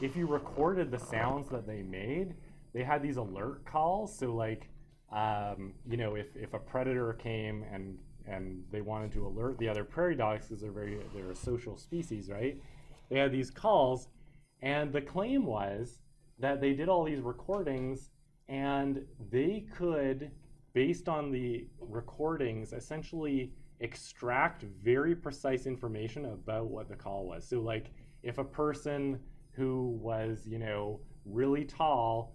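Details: Adult male speaker; normal speech.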